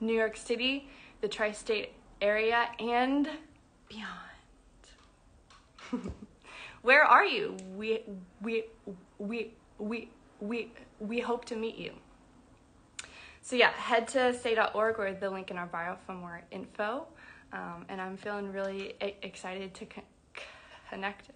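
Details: Adult woman who identifies as a person who stutters, speaking spontaneously on a livestream; stuttering.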